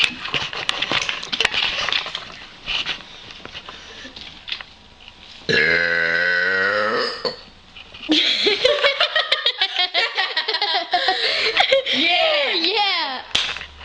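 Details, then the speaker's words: Girls' burping contest after chugging a 2 L Dr Pepper; the girl says her burps turn out weird on Dr Pepper. Several long, loud voiced belches, one drawn-out and rising, among laughter and chatter. "my birds turn out so weird when I drink Dr pepperi you [Music] turn"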